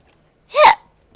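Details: Female-voiced VTuber hiccuping while chatting, part of a minute of birthday and regular hiccups: one sudden, short, voiced hiccup in otherwise quiet surroundings.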